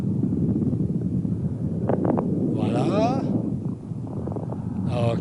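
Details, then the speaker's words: Medium-frequency crackles on chest auscultation, from a teaching talk on bronchiolitis: short popping clicks over a heavy breath-like rumble, described as sounds of bronchioles opening. "voilà à vous entendez des craquements de moyens de fréquences"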